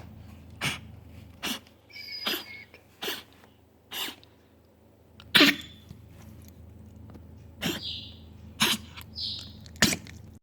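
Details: Dog coughing: repeated short, sharp cough bursts, about nine over ten seconds, with quiet gaps between.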